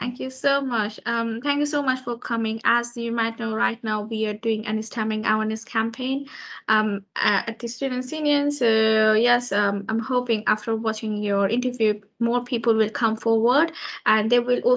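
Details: Adult woman speaking; no speech disorder.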